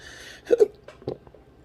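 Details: Two quick, sharp involuntary throat catches close together, then a softer third: hiccups in a person with intractable hiccups for six years, recorded June/July 2021.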